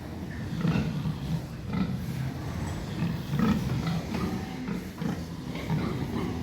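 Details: Sleeping pig snoring on a pig farm: low, rumbling snorts repeat at uneven intervals.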